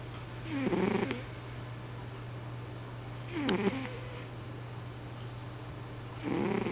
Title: snoring